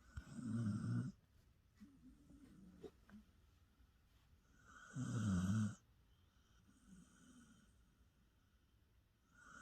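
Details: Snoring from a sleeping dog: two loud, low rattling snores about four seconds apart with quiet breathing between.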